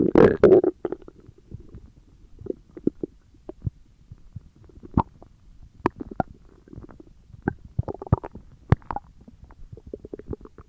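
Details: ASMR recording of stomach growling: a loud gurgling burst, then scattered squeaks, pops and soft rumbles; ordinary borborygmi.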